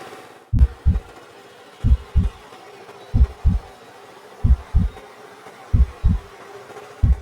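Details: Heartbeat heard through a homemade 50-foot stethoscope made of level pipe and balloon: steady paired lub-dub beats, about 46 a minute, over faint background hiss.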